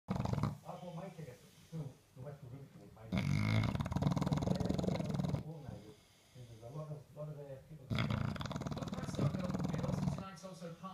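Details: English Bulldog snoring: loud, deep, rumbling snores in long drawn-out breaths, with rough snorting between them.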